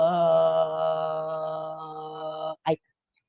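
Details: Diplophonia in a vocal fold polyp, with the polyp's added mass causing low pitch and chronic dysphonia.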